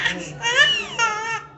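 A young infant cries in high, rising-and-falling wails, the persistent crying of infantile colic.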